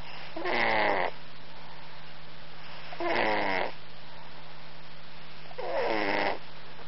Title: Cat snores